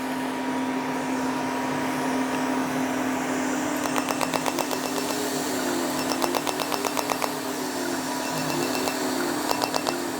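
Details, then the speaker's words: Steady machine hum with bursts of rapid, regular clicking pulses, about four per second: very light, superficial erbium fractional laser passes on a patient's face and neck, with scar areas treated after needling. "very light fractional passes a little bit for me"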